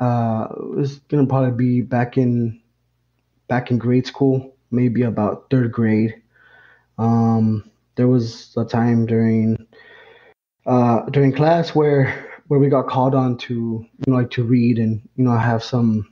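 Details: Adult man, lifelong stutterer, with stuttering onset around third grade; stuttering.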